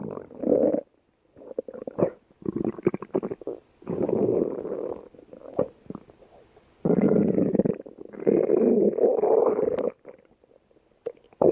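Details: Loud stomach growling (borborygmi): irregular gurgling and rumbling bursts with quiet gaps between them.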